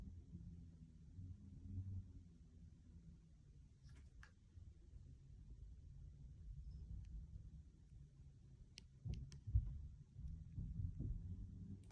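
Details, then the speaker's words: Left upper quadrant abdominal auscultation with stethoscope during head-to-toe assessment: low rumble with a few brief clicks and soft gurgles; bowel sounds active, normal bowel sounds. "all right we got some activity if feel okay okay then left left lower quadrant [Music] [Music] okay ball sounds are active"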